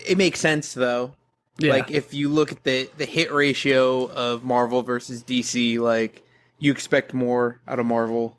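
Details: Adult male speaker; normal voice.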